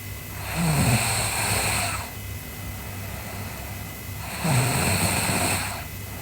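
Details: Sleeping girl snoring: two long, rough, rattling breaths about four seconds apart with quiet pauses between; snoring during sleep.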